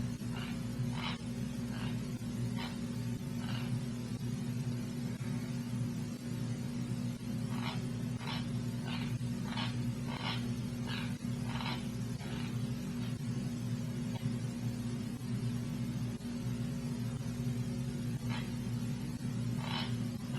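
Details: Nocturnal (sleep) bruxism recorded during sleep-lab observation: repeated short gritty grinding and clicking bursts over a steady low hum, typical of teeth grinding during sleep.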